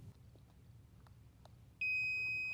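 Low room hum, then a steady high electronic tone. A defibrillator powering on.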